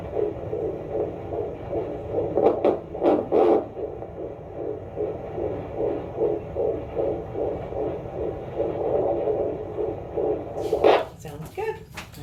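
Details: Rapid, regular whooshing fetal heartbeat, about 150 beats a minute, at 29 weeks of pregnancy on a heartbeat monitor: fetal heartbeat.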